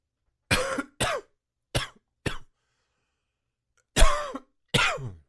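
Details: Six short, dry, hacking coughs in two clusters with a pause between and no wet rattle, on waking in the morning after missing the previous night's allergy medication; dry hacking cough.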